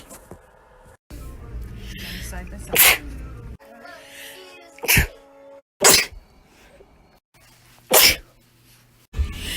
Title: Sneezes June 2019 - April 2020